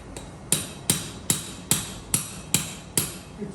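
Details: Seven sharp, ringing metal mallet strikes at about 146 per minute, tapping a titanium cage into the L5-S1 disc space during OLLIF revision fusion for non-union.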